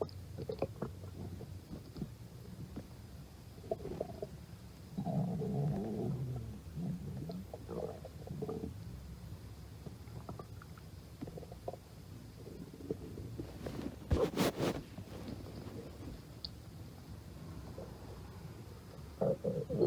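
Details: Low gurgling rumbles and bubbling squeaks from the abdomen: stomach growling (borborygmi).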